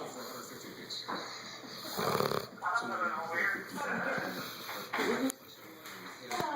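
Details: 8-month-old English Mastiff snoring while napping on a couch: repeated raspy, rattling snoring breaths with a steady background hum.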